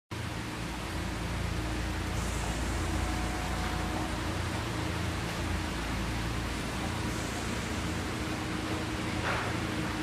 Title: Mini Oxygen Concentrator can drive ICU Ventilators and Anesthesia Machine